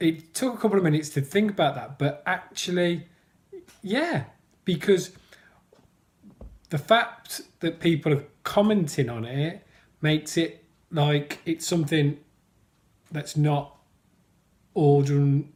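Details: Stuttering (stammering) with blocks in an adult man who stammers and reports challenging speech days.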